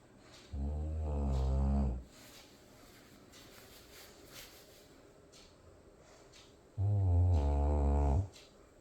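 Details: Loud nightly snoring: two long, rattling snores about six seconds apart, with quiet breathing between them.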